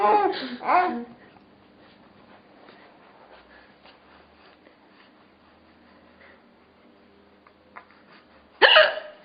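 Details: Mother's hiccups: sudden, sharp, vocal hiccup sounds at the start and end, with quiet room sound and faint laughter between.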